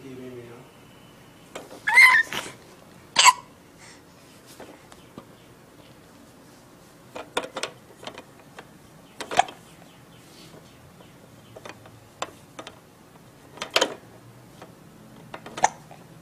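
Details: Hiccups in a 4-month-old infant playing in an Evenflo Exersaucer: repeated short abrupt breathing catches with baby vocal sounds and toy noise.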